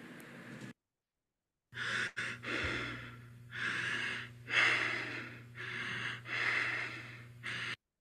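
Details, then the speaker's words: Simulated Kussmaul breathing, characteristic of metabolic acidosis: deep, loud, slow, labored breaths in long waves, unlike fast tachypnea. "Esa es una respiración de Kmaúul característica de un cuadro de acidosis metabólica."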